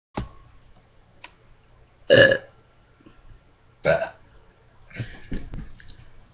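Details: Burping contest between several people: several short, loud, throaty belches separated by quiet gaps, with faint room noise.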